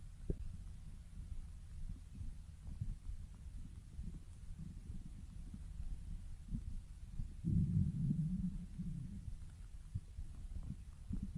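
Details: Soft stomach growling: quiet low rumbling with faint thumps and one louder gurgling growl midway.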